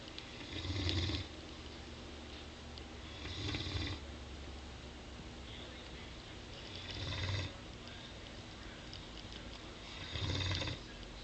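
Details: Gizzy snoring during sleep at the end of a busy day: four rough snores with a low rumble and airy hiss, roughly every three seconds, over steady room noise.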